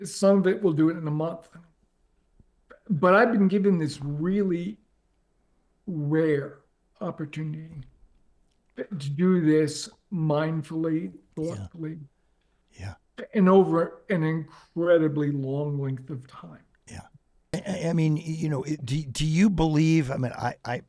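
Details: Adult man with late-stage ALS, diagnosed 4.5 years ago, with onset in the right calf spreading upward; it now reaches his neck, causing difficulty speaking and breathing. He speaks using a ventilator. Dysarthria (ALS).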